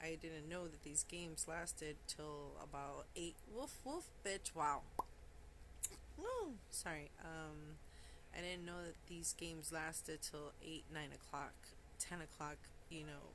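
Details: Adult woman with Tourette syndrome; a forceful, uncontrollable vocal tic ('woof woof... wow') bursts out mid-sentence, followed by an apology. Vocal tics with coprolalia (Tourette syndrome).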